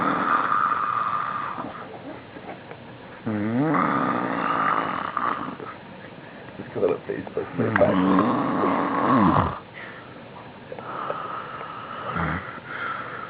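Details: Man passed out on the floor snoring loudly: rattling, throaty snores on breathing in, with room noise and voices in the background; snoring.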